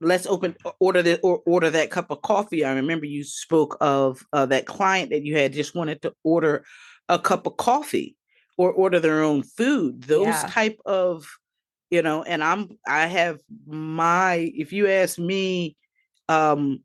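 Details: Mild fluent anomic aphasia after stroke in an adult female survivor with word-finding difficulty, with good repetition and comprehension.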